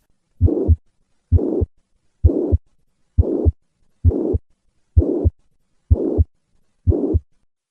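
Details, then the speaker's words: Mitral regurgitation: regular heartbeat near 65 a minute, holosystolic blowing murmur of constant intensity filling systole up to the second heart sound, heard at rest then louder with handgrip manoeuvre. "Mitro regurgitation will increase in response to hand grip maneuver. Listen to the change in this murmur with a hand grip maneuver."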